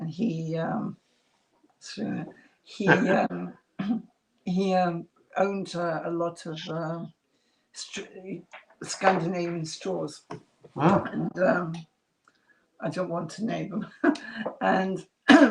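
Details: Adult woman with residual aphasia after multiple strokes (two hemorrhagic, three ischemic, 2012–2013), who lost speech and relearned it, with a slight remaining speech impediment; residual aphasia after stroke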